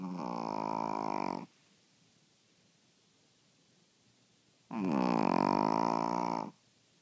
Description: My dog juicy is sleeping and snoring